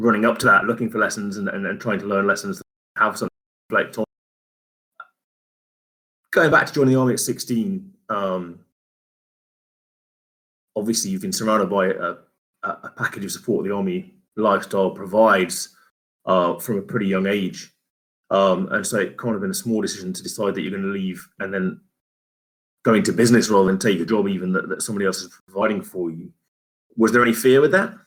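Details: Adult male speaker; typical speech.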